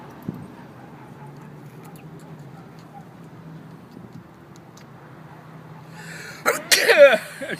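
Quiet room noise, then near the end a sharp burst of breath and voice, a single sneeze.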